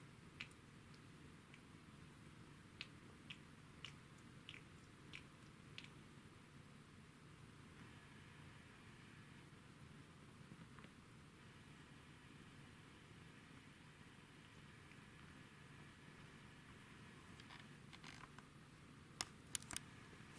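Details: Sleeping Corgi dog with sleep bruxism: quiet room with short sharp clicks and gritty scraping of teeth grinding.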